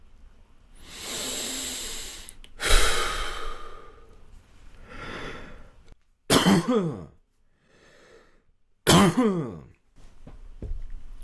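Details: An adult with muscle tension dysphonia breathes out, sighs, then gives two sharp voluntary coughs with throat clearing close to the microphone, during throat tension-release exercises; voluntary cough and throat clearing.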